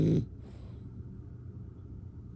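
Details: One short, low, rumbling snore at the start, followed by quiet, low room noise.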